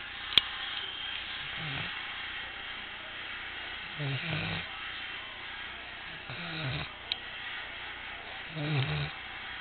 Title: Abel the Goldendoodle snores while sleeping